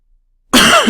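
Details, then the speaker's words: A single short, harsh, throat-clearing cough from an adult lecturer during a recorded lesson, who apologizes for coughing; isolated cough. "Excuse me, I'm sorry I'm coughing on this recording."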